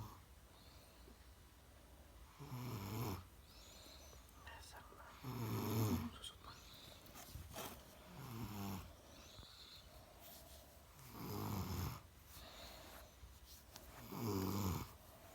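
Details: Young child snoring while asleep: regular low, rumbling snores, about five in fifteen seconds, each with a rough fluttering quality.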